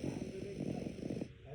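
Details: Dog sleeping peacefully: low, rattling, fluttering snore over a steady background hum; snoring.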